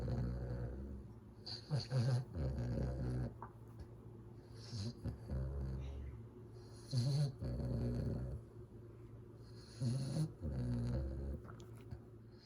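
Loud, deep, rumbling snores on each breath, roughly every three seconds, about 20 breaths a minute, with snorty catches; snoring in a sleeping puppy.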